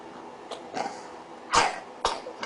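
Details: Assisted cough during mechanical insufflation-exsufflation with a Philips Respironics E70 cough assist via face mask in a 6.5-year-old girl weighing 16 kg, three rounds of six breaths; mucus triggers her seizures.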